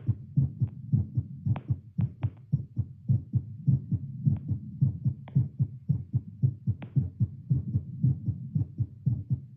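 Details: Adult's heartbeat through a Littmann CORE stethoscope with pulse oximeter, seated baseline around 88–96 bpm with arm held up, around 10 squats; brisk regular lub-dub with faint contact clicks, elevated heart rate after exercise.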